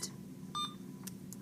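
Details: Short electronic beeps and key chirps as buttons are pressed while programming a secondary IV infusion on an Alaris infusion pump; normal keypress feedback.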